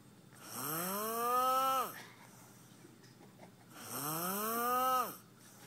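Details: Loud snoring in a man: two long, tonal, rising snores on inhalation about three seconds apart, with quiet exhalations between.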